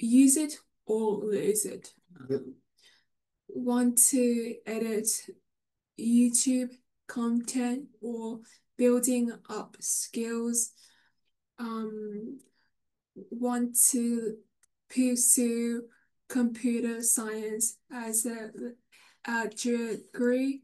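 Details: Woman with aphasia following a stroke two years earlier, affecting talking, reading, understanding and writing; aphasia.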